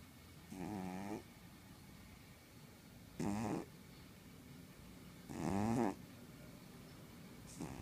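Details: Pet cat asleep: three soft, buzzing snores, about 26 breaths a minute, with quiet pauses between; ordinary snoring, owner says it sounds like an old man.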